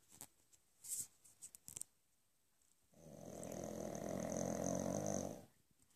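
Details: One-year-old female Pug, small for the breed, snoring while asleep: a few faint clicks and rustles, then one long, rattling, buzzing snore lasting about two and a half seconds.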